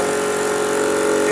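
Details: Steady motor hum with a constant pitched whine from a portable suction unit switched on to clear secretions filling the mouth of an apneic adult with a weak pulse of 60, in a simulated National Registry EMT bag-valve-mask ventilation skills station.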